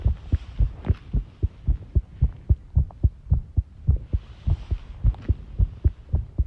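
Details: Heart sounds recorded while tidying a room, arrhythmia noted: heartbeat around 110 a minute with uneven gaps between beats, some background clatter; arrhythmia.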